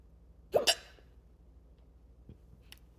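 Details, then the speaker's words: A single sharp, abrupt double-burst hiccup in a quiet room, one of a couple of hiccups that came instead of an expected burp. "Cheers to that. A couple hiccups. Bring in the new year."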